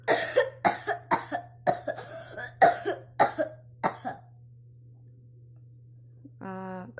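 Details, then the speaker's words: Seven forceful open-mouth coughs in quick succession, demonstrated as the incorrect way to cough, contrasted with coughing with closed mouth and cheeks held; open-mouth coughing said to risk complications, especially in children. "как не стоит кашлять как не правильно кашлять"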